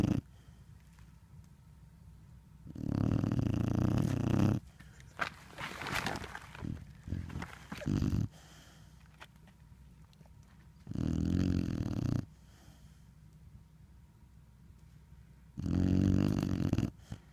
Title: Lincoln snoring at Big Lake